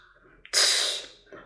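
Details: Vocal imitation of an early diastolic murmur, as in aortic or pulmonary regurgitation: a high breathy blowing sound, loudest at onset just after S2, then fading.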